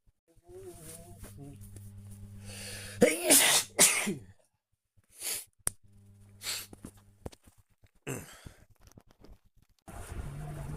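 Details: Male's natural sneezes, recorded on a smartwatch. He has not been ill and it is not allergy season. Several sharp, explosive sneeze bursts with quiet gaps between and a low background hum; ordinary random sneezes.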